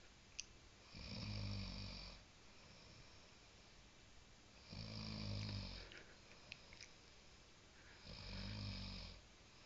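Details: Snoring during overnight sleep: three regular, low rumbling snores about every 3.5 seconds, roughly 17 breaths a minute, with quiet gaps between.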